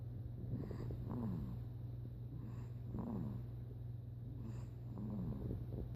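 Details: 6-week-old puppy snoring during sleep: soft, rhythmic snorting breaths over a steady low hum.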